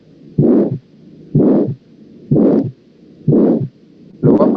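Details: Aortic stenosis murmur.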